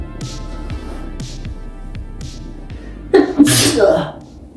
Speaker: have you ever wondered how sneeze well let me show you it's cute